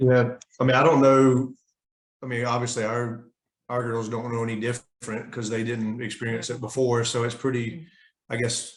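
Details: Adult man speaking; normal adult speech.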